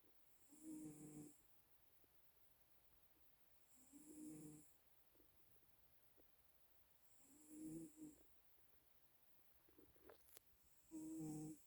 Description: Calico cat snoring.